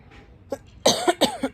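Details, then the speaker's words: Adult woman coughing since laparoscopic gallbladder removal under anesthesia. A faint throat sound, then two loud, harsh coughs in quick succession. "sorry I've been coughing since the surgery so that's what happened"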